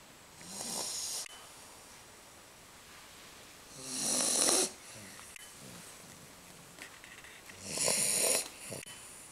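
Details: 10-week-old American Bulldog puppy in deep sleep after a walk, snoring like an old man: three loud, rough, hissing snores at an irregular pace of about 17 a minute, with quieter breathing between them.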